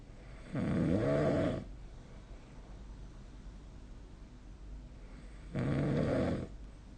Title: 🐽 いびきの音 / Snoring Sleep Sound 2025/05/21